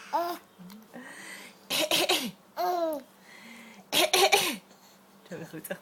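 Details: Voluntary playful cough from a 5.5-month-old baby who finds coughing funny: a few short deliberate coughs mixed with squeals and giggles, not a sign of illness.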